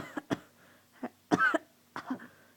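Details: Cough in a speaker who attends school: a run of short, dry coughs and throat-clearing sounds.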